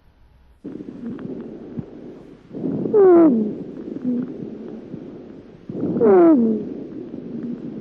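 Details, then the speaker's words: Cavernous whistle: a whistling breath sound that can sometimes be heard when large lung cavities are present. "lorsqu existe de grosses cavernes on peut parfois entendre un sifflement cas werner"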